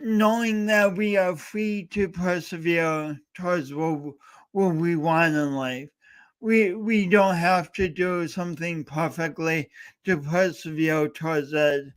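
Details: Male host with a self-described speech impediment, coached by a speech coach for years, talking live for three hours straight as a challenge; speech impediment.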